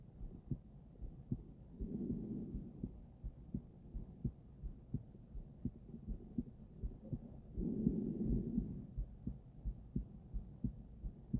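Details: Female heart auscultated with different stethoscopes at Erb's point, then mitral, tricuspid, aortic and pulmonic sites: regular lub-dub beats about 100 per minute, with rustling as the stethoscope moves between sites; normal heart sounds.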